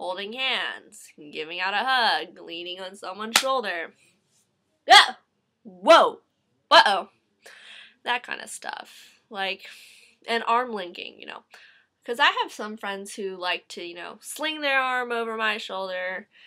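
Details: Young woman with Tourette syndrome producing audible vocal tics during her speech; vocal tics (Tourette syndrome).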